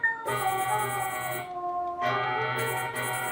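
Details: Phacoemulsification on a Bioniko artificial model eye (simulated surgery): sustained organ-like electronic machine tones switching pitch and pausing as the pedal moves through positions two and three while chopping and emulsifying lens fragments.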